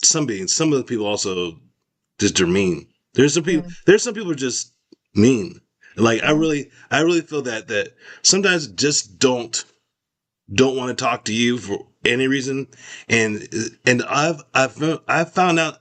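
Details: Expressive aphasia after a stroke in an adult male survivor, recovering with speech therapy.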